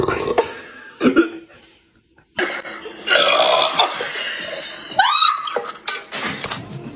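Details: Burping during a Sprite-drinking challenge: loud, drawn-out belches mixed with coughing and laughter in a small room.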